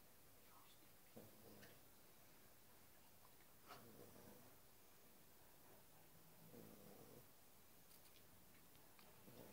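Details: Soft, low rumbling snores from a sleeping 6-week-old Great Dane puppy, about one every two to three seconds, over a quiet hiss of room noise: snoring.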